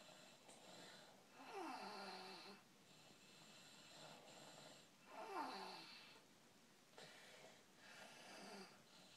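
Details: Baby snoring: soft, regular, whistling snores about 16 a minute in a quiet room; a lot of snoring.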